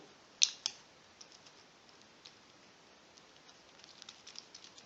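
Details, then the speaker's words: Attaching a needle onto an insulin pen, after rolling and shaking a cloudy insulin, in a subcutaneous injection nursing demonstration: two sharp plastic clicks followed by faint small ticks and scrapes. "Fixez l'aiguille sur le stylo."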